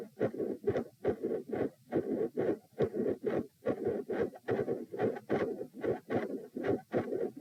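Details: Heart sounds recorded at position p, lying down, during attempts to provoke murmurs: loud S1 and S2, both split, with a midsystolic murmur.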